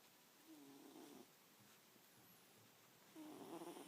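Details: Cat asleep snoring: soft, purring snore on breaths in, quiet breathing between, in a quiet room.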